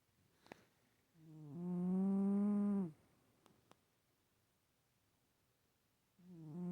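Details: A sleeping cat snores loudly with a buzzy, tonal snore lasting about two seconds, then a quiet pause before the next snore.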